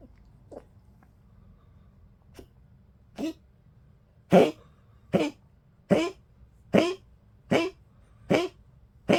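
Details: 15-year-old Poodle on her birthday gives a run of about eight harsh, dry coughs in quick, fairly regular succession; dog cough.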